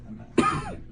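A single short, sharp cough from an adult against faint room noise, fading quickly; an ordinary isolated cough.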